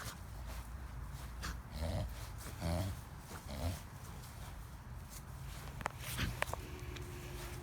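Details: A dog makes several low, honking snorts in quick succession; a typical reverse sneezing episode.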